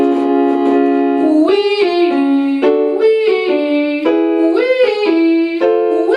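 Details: Adult male singing teacher on day four after acute laryngitis that caused one day of complete voice loss; falsetto fully back to normal; normal falsetto voice after recovery from laryngitis.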